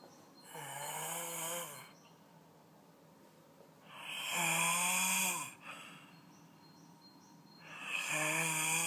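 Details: Unusual snoring: three loud snores about every four seconds, roughly 16 a minute, each with a wavering, whistling, almost musical tone over a harsh rasp.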